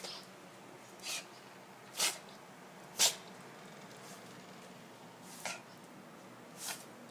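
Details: Six short, sharp, hissing sneezes in about seven seconds from Sassy, a Maltese dog, in a rapid run of incessant sneezing; owner wonders if she is allergic to something.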